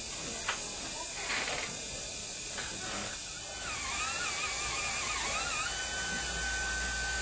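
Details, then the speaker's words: Dental handpiece with a small pointed diamond bur, high hissing whine with short grinding bursts, trimming composite during intraoral repair of a fractured five-unit provisional restoration (teeth 6–10, fracture between 8 and 9). "so if I could say a few things you just saw me using the little pointy Diamond that I asked you to show me and bring out from time to time that you all claim doesn't exist in the kit"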